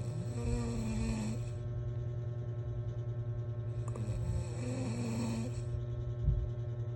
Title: yung inutusan nya ako mg init tubig pra magkape pero pgbalik ko ito na #snoring